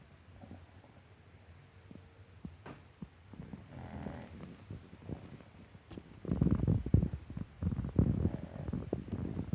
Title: Snoring mango